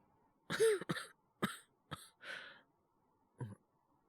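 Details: Acted cough by a male voice performer playing a character with a cold: five harsh cough bursts in a quick bout with a rough, throat-clearing quality; simulated, not a real illness.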